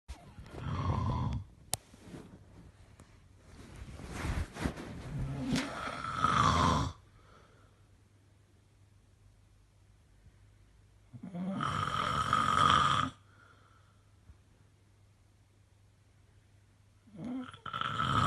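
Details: Really bad snoring: loud, harsh, rattling snores with long quiet gaps between breaths, about four to five seconds apart; heavy snoring.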